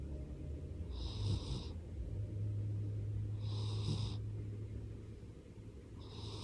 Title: Lap cat snores